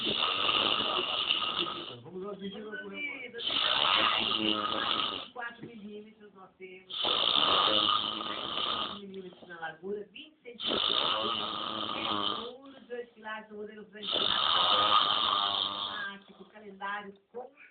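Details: Father filmed snoring while asleep: loud, rasping snores on each breath in, quieter breath out between, about 17 breaths a minute.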